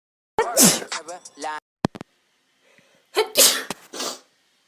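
Two sudden explosive sneezes with sharp intakes and bursts of air, separated by a quiet gap; brief voiced sounds between them.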